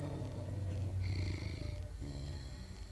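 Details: Senior Cane Corso snoring while asleep in the morning: deep, rumbling, fluttering breath noise with a whistling edge in places.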